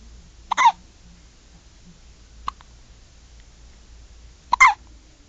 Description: My daughter with the hiccups, only 8 hours old.